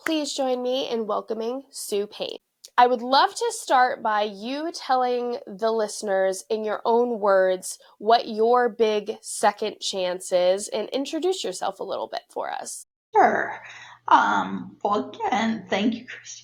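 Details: Adult woman with neurological spasmodic dysphonia with abductor and adductor features; voice worsens with stress; spasmodic dysphonia.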